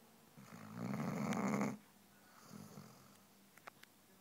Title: Daisy the snoring basset